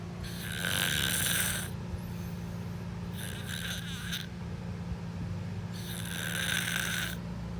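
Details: Loud, rough snoring on breaths in, three snores over about eight seconds, with a low background hum.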